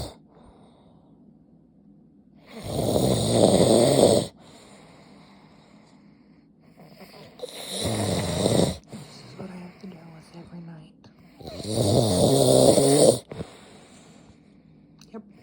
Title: My husband snore so loud again